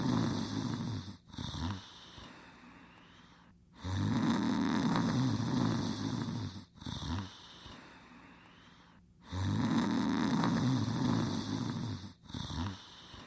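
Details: Cartoon sound effect from a 1989 animated show, not a real recording: a character sleeping and snoring, with loud rumbling in-breath snores alternating with quieter wheezy out-breaths in slow repeating cycles.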